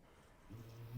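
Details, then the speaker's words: Small pet dog snoring in the background: a quiet, steady, low-pitched rumble begins halfway through and builds against faint room noise. "Apologies if you can hear my little dog snoring in the background."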